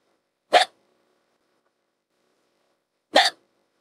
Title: #23 Yang Xiao Long Has Sus Hiccups (AI)